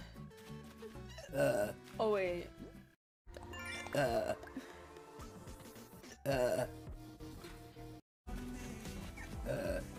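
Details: About four loud, voiced belches, some drawn out and gurgling, over background music and some talk; burping.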